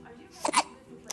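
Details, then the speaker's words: Baby girl with hiccups: a single brief voiced hiccup sound with a faint breath at the end. "really has the hiccups brinley has the hiccups"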